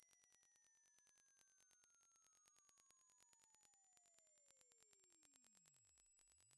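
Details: Constructed hearing-test audio: quiet, steady pure electronic tone gliding smoothly upward from 1 Hz to 20,000 Hz with faint pulsing; a frequency sweep used to estimate how high a pitch the ears can hear, not audiologically exact.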